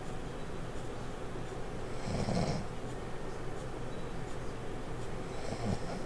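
Low rumbling snores over steady background hiss, two louder snoring breaths standing out; loud snoring.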